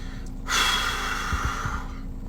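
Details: Adult man, a little under the weather, on a gym day: one long, breathy gasp-like exhale lasting over a second, rising sharply then fading; gasping.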